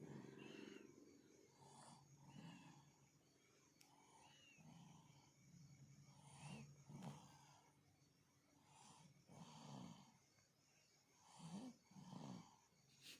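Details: Sleeping infant lightly snoring: soft, rhythmic rasping breaths with faint whistly notes, repeating about every second, over steady room hum.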